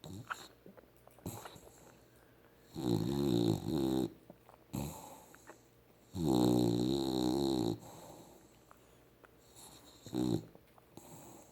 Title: Mommas boy snoring on my lap